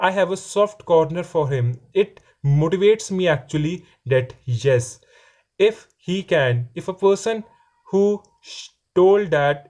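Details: Stammering in a male fourth-year law student describing his own stammering.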